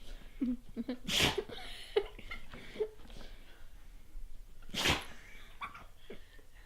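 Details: Two sharp, explosive sneezes a few seconds apart, with snuffling and small movement noises between, from a female dog that sneezes many times; repeated sneezing.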